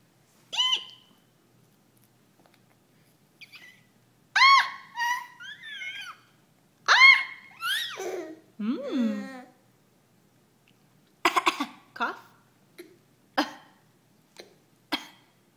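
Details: High-pitched squeals and babble from an infant eating puffs, then a few short, sharp cough-like bursts. Finding: cough.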